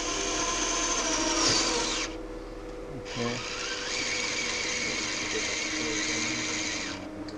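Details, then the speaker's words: Surgical power drill running through a drill sleeve that acts as depth stop, drilling 12 mm below surrounding cartilage for Agili-C implant in a knee cartilage lesion: two bursts of high motor whine separated by a short pause. "so the drill sleeve not only serves to protect you against the soft tissues but also serves as a depth stop so this is in full contact with the surrounding cartilage MH and then this will drill you to the exact exact"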